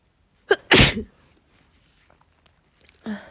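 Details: Adult female home in bed with a cold, sneezing every few hours with a persistent nasal tickle: a sharp in-breath, one forceful, explosive sneeze, then a quieter breath sound.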